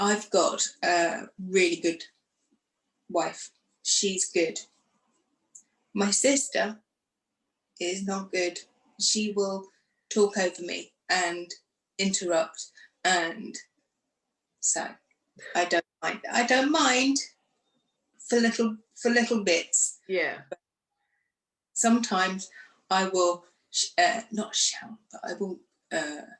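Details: Woman who had a stroke two days after a hysterectomy in 2018 at age 44, could not speak afterwards and now lives with post-stroke aphasia; aphasia with word-finding difficulty.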